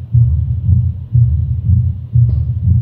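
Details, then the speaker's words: Simulated pure mitral stenosis at about 60/min: opening snap after the second sound, then a low-pitched, rough, rumbling mid-to-late diastolic murmur that swells before each first sound (presystolic accentuation). "then there is a rough murmur we call it low pitch rough rumbling murmur in the middle part of the destly and the late part of the desty and it becomes louder in the late part of the desty. We call it preystolic accentuation."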